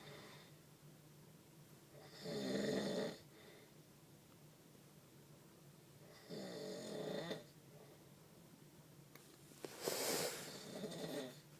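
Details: Adult's heavy snoring during sleep, recorded on a phone that may capture only part of the loudness: three loud, rough breaths about four seconds apart, about 15 a minute, over quiet room noise.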